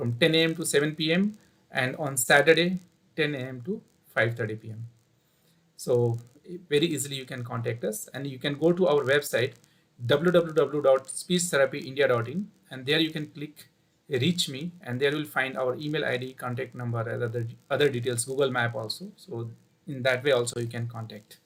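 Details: Adult man speaking; normal voice.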